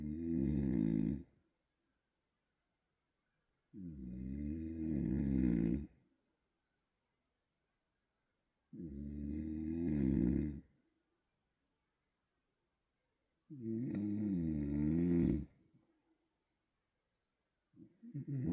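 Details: Loud snoring during sleep: rattling snores on each breath, about 13 a minute, with silent pauses between them in a quiet room.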